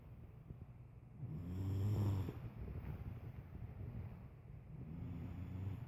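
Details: Two adults recorded while asleep, snoring loudly: one low, rumbling snore on an in-breath, then quieter breathing, over steady low background noise; snoring.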